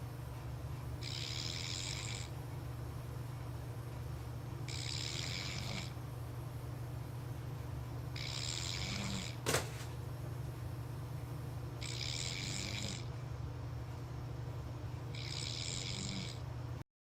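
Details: Five breathy, hissing snores about every 3.5 seconds, roughly 17 a minute, over steady low room hum: snoring.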